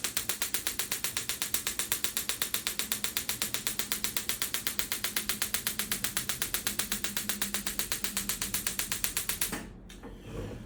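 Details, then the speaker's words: Very regular sharp clicking pulses, about four a second, stopping abruptly: a brief shockwave therapy demonstration over ultrasound gel on a patient's shoulder, used for soft tissue injuries such as rotator cuff tear or bicipital tendonitis. "So we're going to show you a little bit what the Shockwave treatment looks like on Liz's shoulder here today. So we've got a little ultrasound gel on there. We'll do a quick treatment."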